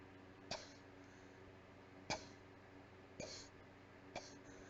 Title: Breathy weak coughing fit